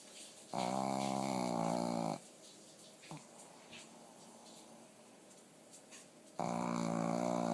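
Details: Pekingese dog missing an eye, asleep: two long, loud, buzzing snores separated by quiet breathing in a small room; snoring.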